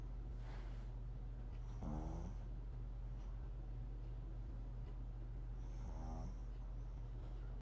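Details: A dog sleeping on a sofa, snoring softly: two low, rattling snores with faint wheezy whistles over a steady hum; the owner says it had been snoring louder before.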